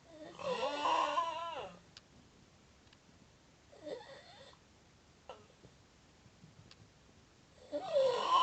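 Loud, drawn-out rattling snore with a squeaky, moaning quality, a quieter snort, then another loud snore; snoring.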